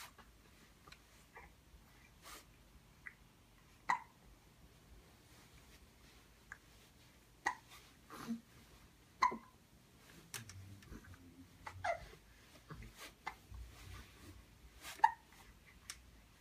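Short sharp infant hiccups every few seconds in a quiet room, with soft baby noises between; ordinary, harmless infant hiccups.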